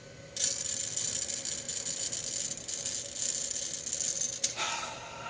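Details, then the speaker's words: AirLife volumetric incentive spirometer, used as for deep breathing after surgery or pneumonia, demonstrated by an adult aiming for 1500: one slow deep inhalation of about four seconds with a sustained rattling hiss. "all right so basically you hold it you do it to eye level like this 3 to 5 seconds and I want to breathe in and out three times and then in"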